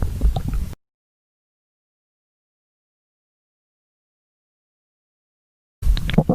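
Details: Stomach growling (borborygmi) after overeating.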